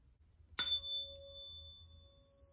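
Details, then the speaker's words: Rinne test demonstration: struck tuning fork gives a sharp ping then a steady pure hum slowly fading as the examiner, no longer hearing it by bone conduction, moves it 1–2 cm from the outer ear to test air conduction. "okay so i can no longer hear the tone so i'm going to bring it to the outer ear"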